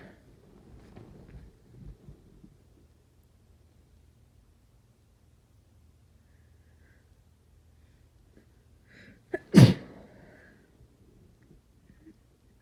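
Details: Quiet breathing, then a short in-breath and one loud, forceful sneeze during a cold; the sneeze was not induced and too strong to stifle.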